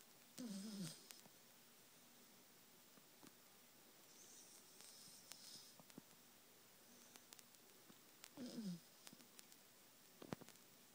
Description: Poppy the cockapoo having a snore/snooze